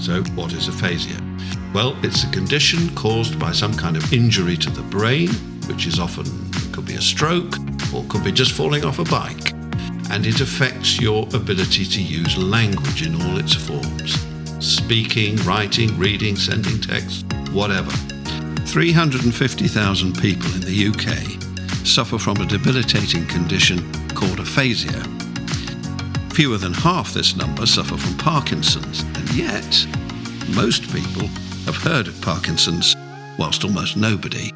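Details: Adult male narrator; normal adult speech.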